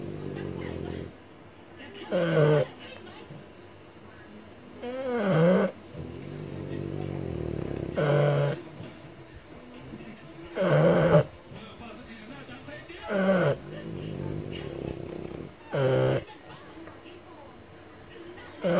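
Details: Loud, regular snorting snores about every 2.7 seconds, roughly 22 a minute, with rough breathing between, from a French Bulldog that snores very loudly.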